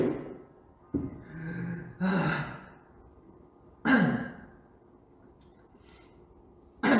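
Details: Several short, separate coughs from an adult with quiet pauses between them; cough.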